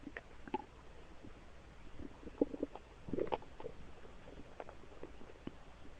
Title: More stomach noises